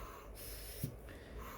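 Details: Rushing bursts of air with a soft mechanical thump as a low-cost automated ventilator squeezes and releases a manual resuscitator (Ambu) bag via a drawer slide mechanism.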